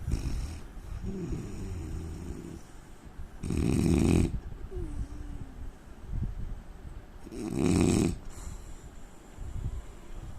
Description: indian man snoring sound asmr sound problem